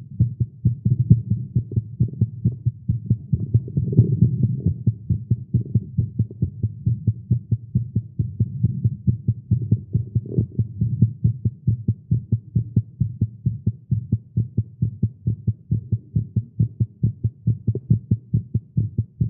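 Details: Male's rapid, steady thumping heartbeat at about 136 beats a minute, recorded live after exercising with caffeine; tagged irregular heartbeat; tachycardia.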